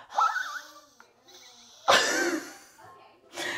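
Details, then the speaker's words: An adult imitates her baby son's hoarse cry after he lost his voice: strained, squeaky, breathy wails with little clear tone. His voice was slowly returning. "the baby lost his voice so when he was crying he was crying like"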